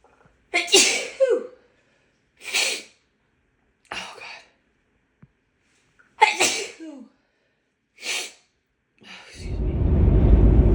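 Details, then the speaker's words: Woman who suspects a grass pollen allergy, sneezes she says feel harsher than usual with a tickling nose: six forceful sneezes in quick succession, several with a voiced catch, brief silences between, then a rush of noise; repeated sneezing. "Oh, I think I have to sneeze again. Oh, God. Oh, excuse me, they're so big."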